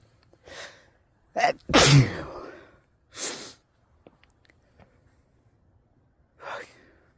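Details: Sneezing fit outdoors while skateboarding, blamed on cold temperature, alcohol (drunk) and allergies: several sharp sneezes in a row, one loud and forceful, with quick breaths between; can't stop sneezing.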